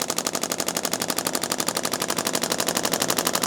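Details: Radial shockwave therapy on an adult man's lateral lower leg, intensity turned down, avoiding bone: fast steady rattling taps about four a second.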